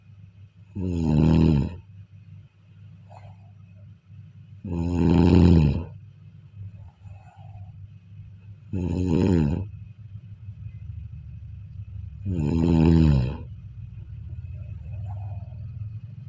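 Loud, rattling snores about every four seconds, roughly 15 a minute, with quiet breathing between them and a faint steady hum behind.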